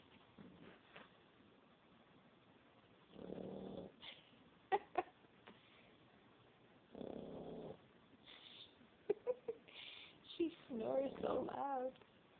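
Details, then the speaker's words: Sleeping pet (female) snoring: two rough, buzzing breathing sounds about four seconds apart, with clicks and faint squeaky noises between them. "Pretty sure they're sleeping. Listen to her snore."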